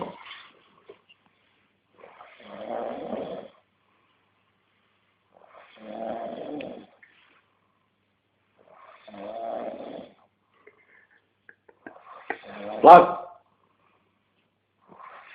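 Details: Snoring in sleep: three regular rattling snores on inspiration, about every 3.5 seconds, then a louder snort.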